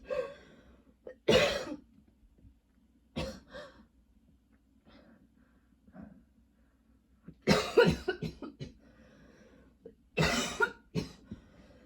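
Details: Repeated clusters of harsh coughing over about twelve seconds with throat clearing between, from someone with long, nonstop coughing spells and a lingering throat tickle: persistent cough.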